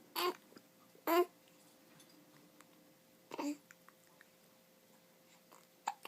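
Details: Infant cooing: soft, brief voiced catches, three or four in a few seconds, amid quiet cooing while a parent talks to him; infant hiccups.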